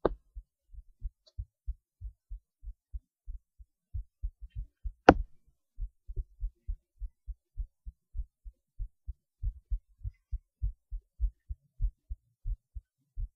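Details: Heartbeat recorded through a cheap acoustic stethoscope; steady, quiet paired lub-dub at roughly 80 a minute with one loud knock of handling noise; normal heart sounds.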